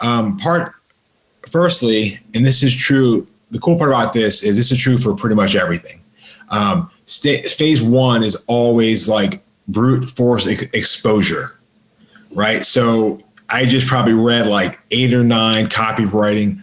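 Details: Adult man with a lifelong stutter, severe by his own account, improved through practice and an intensive stuttering school; real stuttering in a podcast interview.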